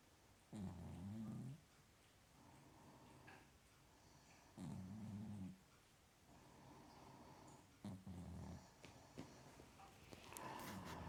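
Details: Snoring from a small sleeper.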